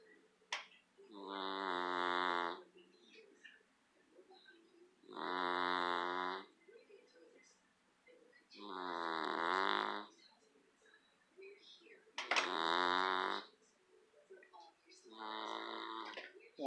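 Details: Snoring while asleep in a favorite chair: five regular buzzing, rattling snores with quiet pauses, about 17 breaths a minute.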